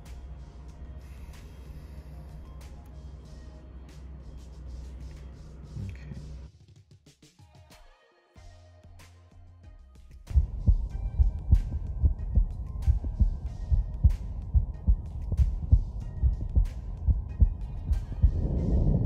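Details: Steady, regular low heart thumps at about 70 a minute, recorded through a Stemoscope digital stethoscope placed on the body after rumbling handling noise.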